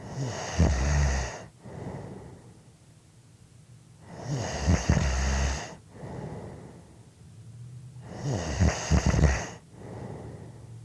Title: Snoring Audio Clip 5 minutes